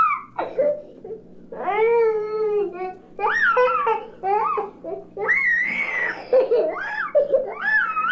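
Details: Toddler's fussy, whining cries in short bursts over low room hum: a mild protest cry of a mildly uncomfortable child; 1967 recording of baby sounds for expectant and new parents.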